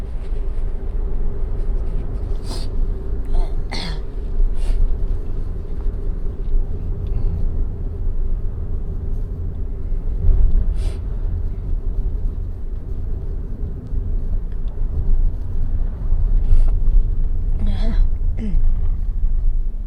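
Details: Woman with asthma while driving: a few short coughs and throat-clearing sounds over car engine and road rumble during an asthma episode.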